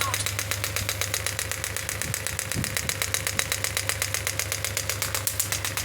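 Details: Biotronix pneumatic shockwave therapy physiotherapy device: steady rapid mechanical tapping, about four pulses a second, over a low hum as the handpiece fires.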